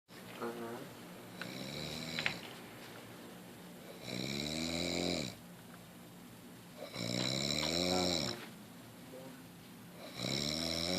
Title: Snoring like a boss